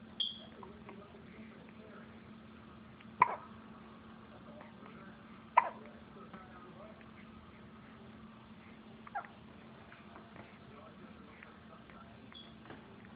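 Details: Three abrupt hiccups a few seconds apart while playing, the first two loudest, over a low steady hum; repeated hiccups.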